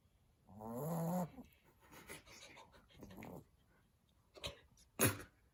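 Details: Cockapoo puppy snoring while napping.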